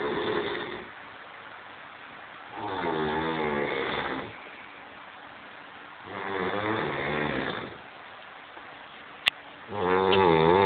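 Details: Snoring from a sleeping man described as drunk, recorded on holiday in Kavos.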